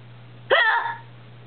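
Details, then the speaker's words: Person with persistent hiccups that will not go away despite remedies, hiccuping while playing a game: a single abrupt, voiced hiccup with a sudden onset over a steady low hum. Hiccup. "everyone thinks they're fake so I'll just like play a game and we'll see if it pops up still you sound like you're [ __ ] gagging dude yes that is a hiccup"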